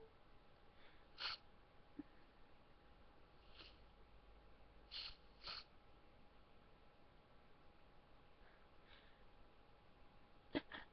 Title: Trying to hold back sneezing!